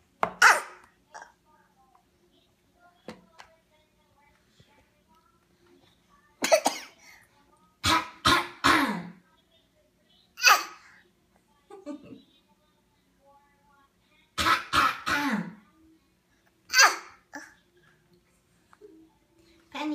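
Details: Young child copying her mother's cough: short, deliberate coughs in brief clusters in a quiet room; voluntary imitated cough.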